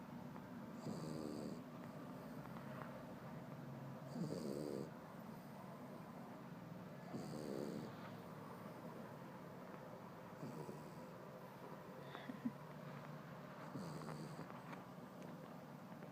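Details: French Bulldog napping after his first run, snoring really loud: rhythmic snuffling, rattling snores about every three seconds over steady room noise.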